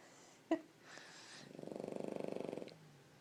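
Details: Pug sleeping on its owner, snoring: a short sniff, then a fluttering, purr-like rattle on one breath of about a second, typical of a flat-faced dog.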